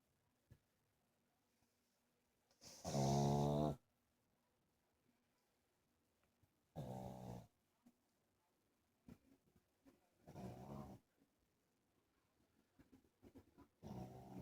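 Loud, rough snoring bursts about every three to four seconds, with quieter snuffles between, from a sleeping small flat-faced dog.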